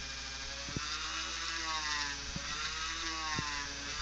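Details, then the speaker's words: High-speed dental handpiece making a straight sectioning cut on tooth #3 (first permanent molar) of a 3D-printed model, speed increased, fan nearby: steady high whine, lower motor drone and brief contact bumps. "so I'm gonna first of all section the tooth and I'm gonna pause for a second"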